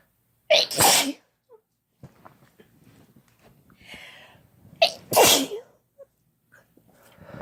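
Two forceful, explosive sneezes with short sniffs and breaths between them; ordinary sneezing triggered by an irritant powder.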